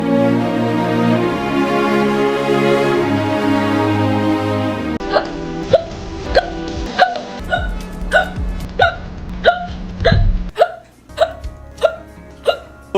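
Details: Hiccup compilation: music for five seconds, then a run of short, sharp vocal catches repeating about every 0.6 to 0.7 seconds; hiccups.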